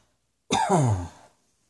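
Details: One abrupt acted cough from an adult, with a voiced, falling tail that trails off after about a second.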